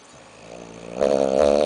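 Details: Dog snoring while taking a loud nap: a single loud, rough, rumbling breath sound rising in strength, a dog's snore.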